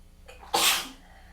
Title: Tickly, congested weather change sneezing fit